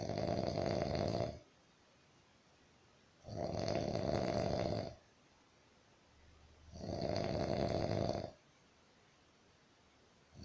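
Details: Roommate snoring: three loud, regular rasping snores about every three and a half seconds, roughly 17 breaths a minute; heavy adult snoring.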